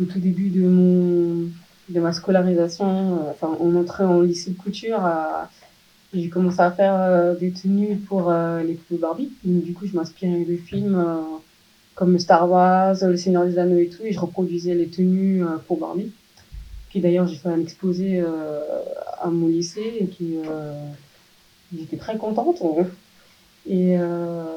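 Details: Speech of a 27-year-old woman with hereditary profound deafness from birth (her father is also deaf), recently fitted with a cochlear implant; finding: deaf speech (congenital profound hearing loss).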